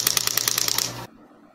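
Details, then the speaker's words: Shockwave therapy handpiece in use during a second treatment of a patient's elbow (tennis elbow implied), after a prior cortisone shot: a rapid run of sharp, regular clicking pulses, about ten per second, then stopping. "So this is what it looks like. This is what shockwave looks like."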